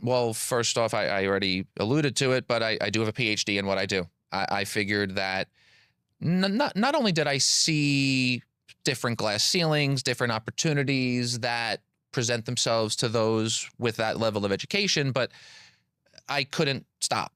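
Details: Adult man with stuttering, a PhD engineer and public speaker who has stuttered since childhood; word and part-word repetitions.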